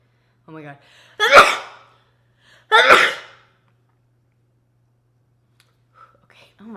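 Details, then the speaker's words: Sneezing from an adult: two loud sneezes about a second and a half apart, each with a short voiced intake before the burst, in a quiet room. "Here it comes again. Oh my god. I have to sneeze."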